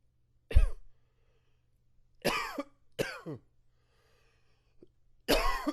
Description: Here's another for you...allergies kicked up.